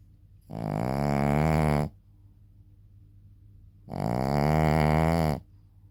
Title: シーズー犬／爆音のイビキ💤 Shih Tzu dog / Big Snoring💤 #Shorts